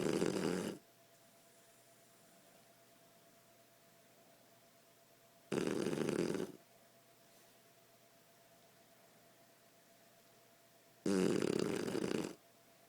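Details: Sleeping 8-month-old Shar Pei snoring while moving a paw: three loud, rough snores on the in-breath, about 5 seconds apart, about 11 breaths a minute, in a quiet room.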